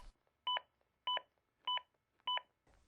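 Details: Regular two-tone electronic beeps, evenly spaced, about 100 a minute: a ZOLL AED Plus metronome pacing chest compressions during CPR training.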